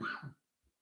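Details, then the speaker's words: Brief cough from an adult man who says he is getting over a little cough, while talking to camera. "ogant, but excuse me, getting over this little cough."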